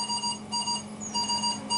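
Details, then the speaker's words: Repeating high-pitched electronic alarm tones: CV200 ventilator low tidal volume, low respiratory rate and low minute ventilation alarms during demonstration non-invasive face-mask pressure-support ventilation, because no breaths are triggered and the set pressure is low. "now please remember in pressure support the ventilator will not deliver breaths unless there is some triggering the low tidal volume the low rr"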